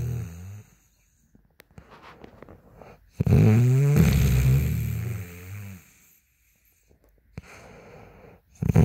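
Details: Woman snoring: one long, loud, low rattling snore on a long in-breath, quiet gaps before and after; snoring.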